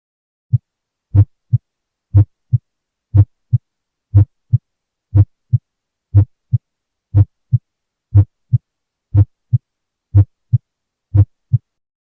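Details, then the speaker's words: Minimally split first heart sound, supine patient, stethoscope recording: regular heartbeat about 60/min with S1 slightly doubled, mitral component first and lower than tricuspid, 20–30 ms apart; a normal variation of the first heart sound. "a minimally split first heart sound is a normal variation of the first heart sound"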